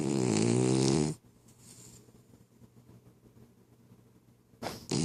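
A loud, rough, buzzing breath, a quiet pause, then the next one starting: snoring in a sleeping dog.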